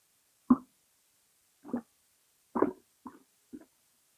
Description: Stomach rumbles belly rumbling